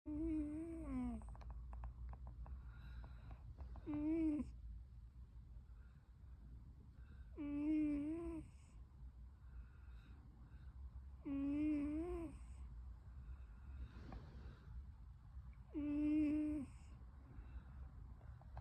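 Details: A sleeping cat snoring: steady, tonal, whistling snores about every four seconds, roughly 15 breaths a minute, over low room hum.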